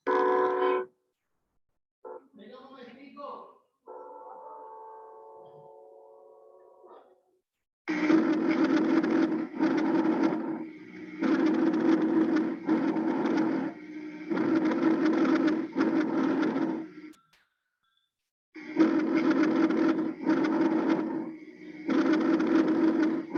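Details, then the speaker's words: Normal breath sounds on auscultation, repeated again as examples of normal respiratory sounds. "bueno entonces voy a repetirlos otra vez los sonidos normales"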